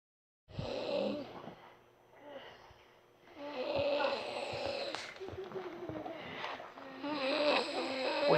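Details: A person caught snoring heavily while asleep: loud, rattling snores with snorting breaths repeating over several seconds in a quiet room; snoring.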